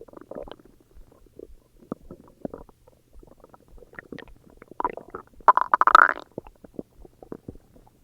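Irregular gurgling and bubbling rumbles, with a louder gurgle burst near the end; ordinary stomach growling, normal bowel activity.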